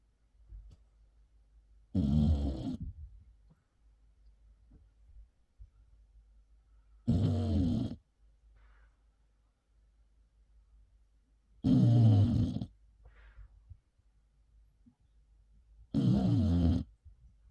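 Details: Dog fallen asleep with a star cushion in its mouth, four loud, low rattling snores about every five seconds, roughly 13 a minute, quiet breathing between; ordinary snoring.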